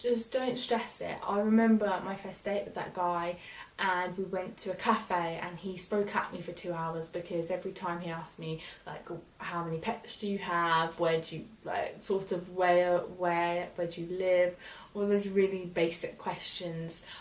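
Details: Young woman who stammers; stammering.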